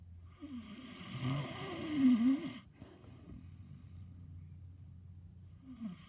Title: Just a dog snoring.. Our beautiful rescue snores every time she sleeps..🥰